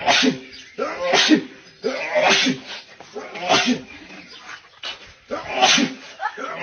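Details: Edited, looped sneezing clip: six loud, near-identical sneeze bursts in quick succession.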